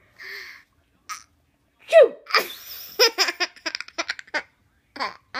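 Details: Grandmother sneezing: a single sharp sneeze followed by bursts of a young child's giggling laughter.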